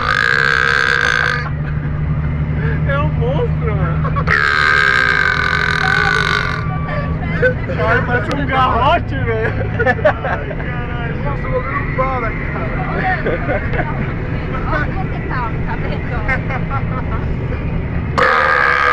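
Two long, loud, voiced belches amid excited chatter and steady engine hum; deliberate burping.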